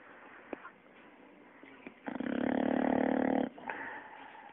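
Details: Fat bulldog snoring in his sleep: quiet snuffles, then a loud, rattling, buzzy snore lasting over a second.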